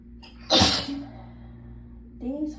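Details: One loud explosive sneeze, then a shorter voiced follow-up sound over a steady room hum, in a sneezing fit while chilled after the hot water ran out; cold-triggered sneezes described as intense and throat-hurting.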